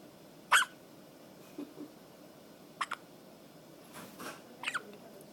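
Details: Hiccups in a person affectionately called buddy, who is also passing gas: three brief, sharp, spaced gulping clicks over a few seconds against faint room noise.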